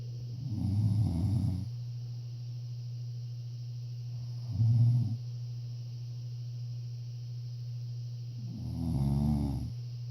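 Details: Three deep, rattling snores about four seconds apart, near 15 breaths a minute, over a constant low electrical hum; snoring.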